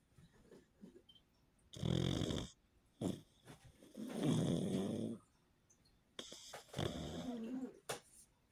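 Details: A sleeping pug gives loud, rough snorting snores in uneven bursts, about three in eight seconds: snoring.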